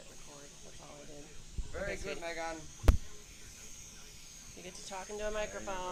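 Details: Girl with a pharyngeal flap (complete closure, flap slightly low) and left vocal fold paralysis attributed to prolonged intubation and/or thoracic surgery for patent ductus arteriosus: hoarse voice (unilateral vocal fold paralysis).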